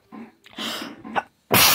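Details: Adult sneeze: a soft inward catch of breath builds, then a sudden loud hissing burst of air, faint TV sound behind, followed by "excuse me".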